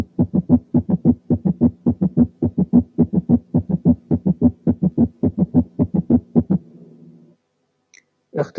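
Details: Gallop rhythm, a regular heartbeat at about 107/min with an extra third sound each beat.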